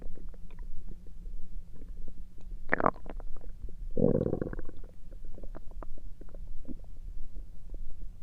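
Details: Bowel sounds (borborygmi): stomach noises recorded through the night.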